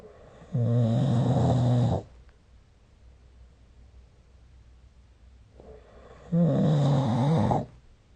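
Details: Two long, deep, vibrating snores about six seconds apart, roughly ten breaths a minute, with quiet pauses between; snoring recorded with the SnoreLab smartphone app.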